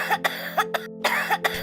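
An acted, rapid run of about six short, harsh coughs over a steady musical hum: a repeated coughing fit.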